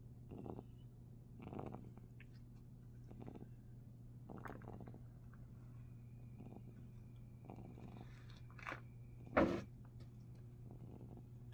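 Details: A sleeping pet cat snores with soft, rhythmic snuffling over a steady low background hum.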